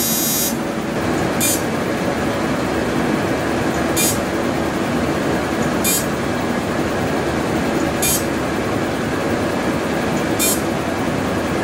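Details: Continuous hum with hissing bursts about every two seconds from a Deep Fx fractional CO2 laser firing during a 28-year-old male's first fractional laser skin treatment.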